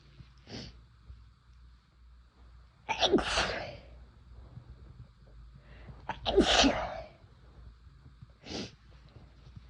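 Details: Two forceful, explosive sneezes, each after a sharp in-breath, with quieter breaths and sniffs between, induced by chhinkni sneezing powder used for the first time.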